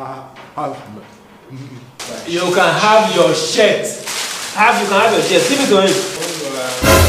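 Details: Adult speaker, acted comedy scene; typical speech.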